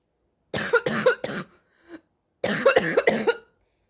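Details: Sick person's barking cough: three harsh, loud coughs, a short retching noise with gagging and spitting, then another burst of about four coughs.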